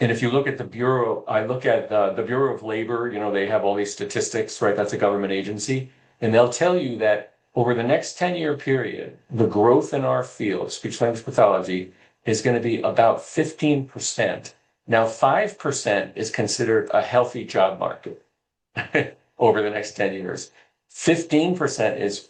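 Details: Adult male speaker; Normal speech.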